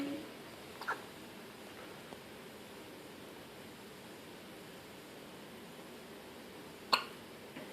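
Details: An infant's first hiccups on day 1: two brief, sharp hiccup sounds about six seconds apart in a quiet room.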